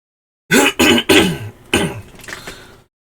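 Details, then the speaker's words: Repeated throat clearing in someone who cannot clear the throat, water not helping, voice feeling like choking: four forceful, rasping throat-clearing bursts followed by a fading rough clearing sound. "Hey, just cannot clear my throat. And the water is not helping nearly enough."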